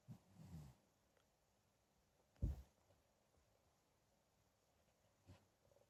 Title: Love our like pup (Snoring like old man)